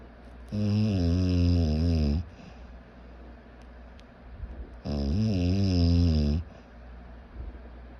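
Two long, loud, low rattling snores on inhaled breaths, about 15 breaths a minute, with quiet exhalations between them.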